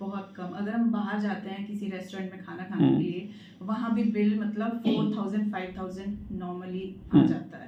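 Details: Adult woman speaking Hindi; Normal fluent speech.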